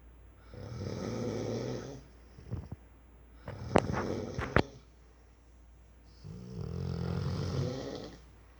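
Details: Snoring in a sleeping 4-year-old rottweiler: two long, loud, fluttering in-breath snores with snorting and clicking between, slow breathing about seven breaths a minute.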